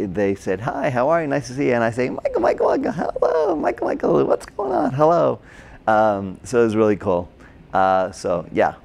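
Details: Adult man with Broca's (expressive) aphasia from a stroke during heart surgery in 2007, about 10 years earlier; hospitalized two months, then OT, PT and speech therapy; difficulty with names, numbers, reading and writing; agrammatic speech with word-finding errors.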